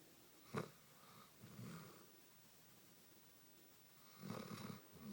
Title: Basset Hound Marley snores while sound asleep